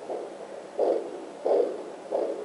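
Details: Home fetal Doppler (Sonotech Pro) on the lower abdomen, found before the baby's heartbeat: rhythmic whooshing pulses about 88 a minute, placental sound echoing the mother's own heartbeat; placental sound.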